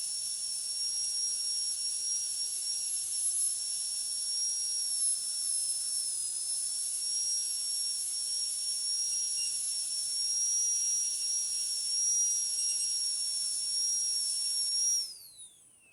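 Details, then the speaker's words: Dental high-speed handpiece in a metal-ceramic crown preparation demonstration on tooth 46: a continuous high-pitched whine wavers under load for about 15 seconds, then winds down, while removing the enamel islands between the depth cuts. "So the next step is to take away the islands of enamel that are remaining in between the depth cuts that we have made."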